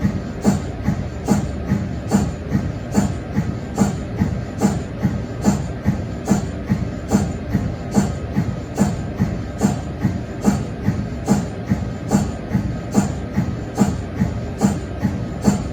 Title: MRI sound (cold head)